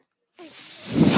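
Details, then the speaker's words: Adult podcaster's own mechanical ventilator: silence, then a rising breathy whoosh swelling louder as it delivers a breath between phrases. "That noise you're hearing is my ventilator."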